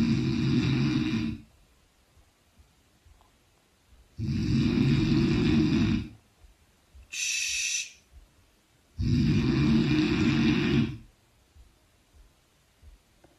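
Three loud, rough snores, each about two seconds long, roughly 13 a minute, with a short hissing breath between them. Heavy snoring.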